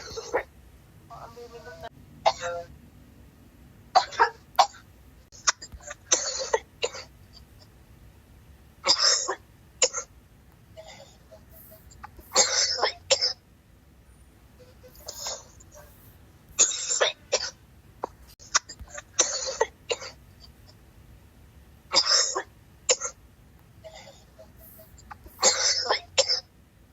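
Repeated forceful coughs in clusters, with throat clearing between bursts, forming a prolonged coughing fit.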